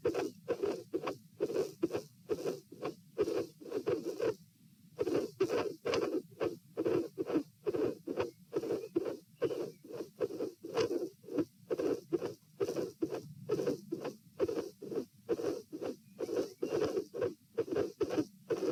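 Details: Stethoscope heart sounds at position P during an auscultation stress test, lying, sitting and standing, in a patient with dilated aortic root: irregular rhythm around 66–72 bpm, midsystolic murmurs and a cyclic extra S2 component.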